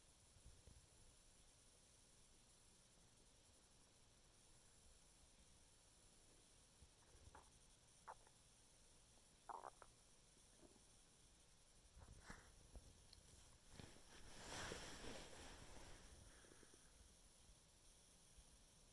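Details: Scattered soft gurgles and a longer low rumble from an adult's stomach after eating a chicken Caesar wrap: bowel sounds (stomach rumbling).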